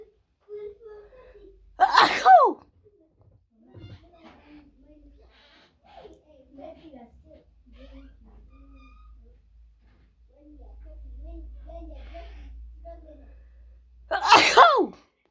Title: Wide Nose Sneezes Africa.